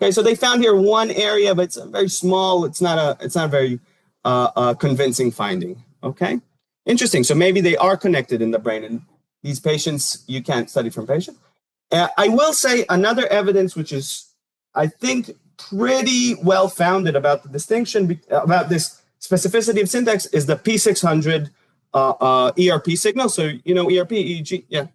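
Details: Adult male speaker in conversation; Normal fluent speech.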